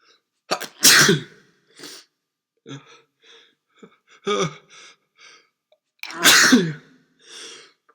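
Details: Adult with a cold having a sneezing fit: three loud, explosive sneezes with short breaths between them; repeated sneezing.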